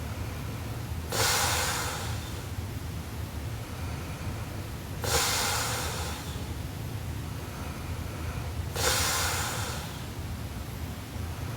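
Three loud, harsh, rushing breath noises about four seconds apart, roughly 16 a minute, over steady background hiss: heavy snoring during sleep.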